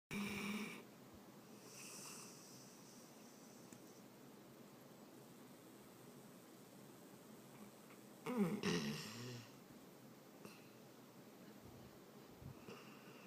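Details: Pet dog Abbey sleeping: two low, rattling snore sounds separated by long quiet stretches in a still room; snoring.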